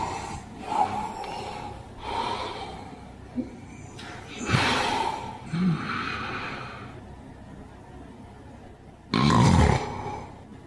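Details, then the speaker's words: Sleeping person with obstructive sleep apnea: irregular loud snoring and snorts, then the snoring suddenly stops (pauses of seconds, possibly up to a minute), then a loud snorting gasp as breathing resumes; obstructive sleep apnea snoring with breathing pauses. "Dari suara ini kita bisa melihat bahwa orang yang mengalami OSA atau obstruktif flip arne ada fase dia henti nafas. Jadi pada saat tidur dia bernafas ya, suara mendengkurnya kemudian tiba-tiba terhenti berapa detik ya, bahkan ini bisa terjadi sampai 1 menit kemudian dia akan bernaapas lagi."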